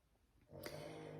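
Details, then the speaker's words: Dog snoring audible in the background while a woman talks during a makeup review; canine snoring. "Oh, and then I'm sorry if you can hear my dog snoring. He's so cute."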